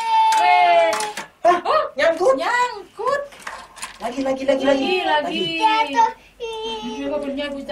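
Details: Pre-verbal vocalization of a young child with hearing loss who uses hearing technology but cannot yet understand conversation or speak, during an Auditory-Verbal Therapy session.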